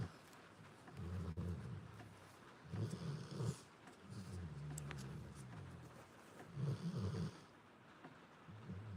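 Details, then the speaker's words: Sleeping dog snoring: low, rumbling snores with each breath over a steady hiss of rain and frogs outside. "Hopefully you can hear it over the snoring. If not, sorry. Not sorry to listen to cute doggy snores."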